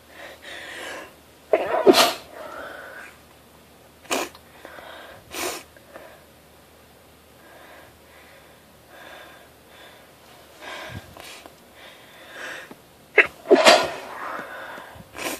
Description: & its tickling my nose !!!